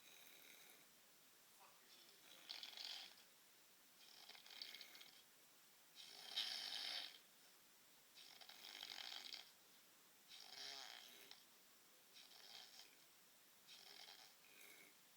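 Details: Light, rapid snoring: thin, hissing snores about every two seconds, soft and without deep rumble.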